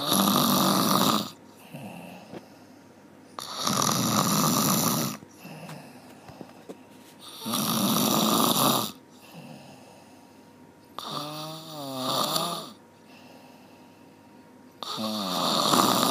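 Loud, rough snores on each breath in, about 16 a minute, with quiet breathing out between them.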